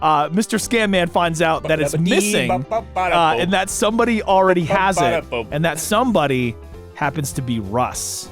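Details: Adult male speaker; normal speech.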